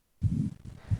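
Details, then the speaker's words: Simulated ejection systolic murmur made by pressing a stethoscope diaphragm into the fist in a B shape: thump then low rumbling swell, mimicking aortic or pulmonic stenosis. "And what you hear is ejection systolic murmur or ejection systolic click. The causes are aotic stenosis or pulmonic stenosis."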